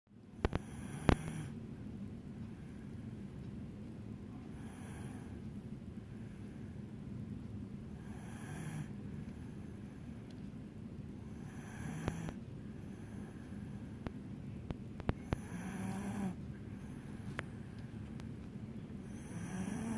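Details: Sleeping dog snoring: soft, rhythmic snoring and snorting breaths over a steady low hum, with a few clicks and knocks.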